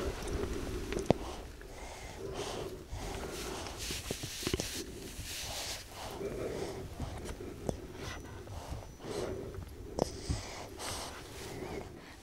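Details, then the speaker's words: 2-month-old girl at start of breastfeeding, recorded in an anechoic chamber: soft quick repeated suckling smacks and clicks without swallows, stimulating milk flow; normal non-nutritive suckling. "First we hear suckling without swallows that stimulates milk flow."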